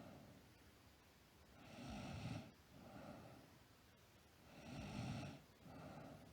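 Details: Slow, rumbling snores on each breath in, with a softer breath out, about 20 breaths a minute in a quiet room, from a sleeping girl; snoring.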